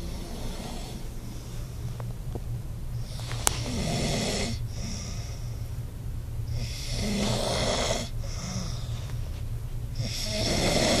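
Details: Adult man snoring very loudly while asleep after a long day of work: loud, rough snores rise and fall with each breath, about 17 breaths a minute, over a steady low background rumble.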